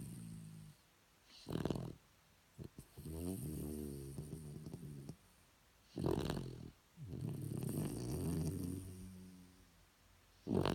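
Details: Shih Tzu dog snoring: slow, uneven, rough rattling breaths with pauses between, in a quiet room.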